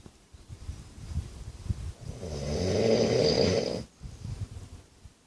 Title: My Best friend snoring his head off